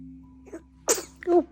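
A small sharp sneeze-like burst from a newborn, then a brief high voiced sound. Steady hum and faint music behind.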